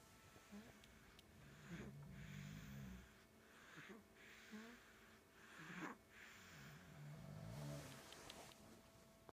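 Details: Snoring from a father and his 4-month-old son, who snores as loudly as his father; the clip does not say which one is snoring. Low, rough, rattling noises repeat with each breath over faint room noise.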